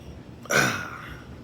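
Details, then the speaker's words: Persistent hiccups lasting one year and eight months, with heartburn, fatigue and back spasms, in a person who tries to keep the mouth closed: a single abrupt hiccup with a sharp throat catch and a short voiced tail; dryer noise in the background. "I have learned how to keep my mouth closed so don't make that cup noise like that but once I'm talking it's hard to control all of it"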